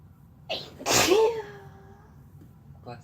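A single sneeze with a sharp indrawn breath and a loud voiced burst, in a quiet room.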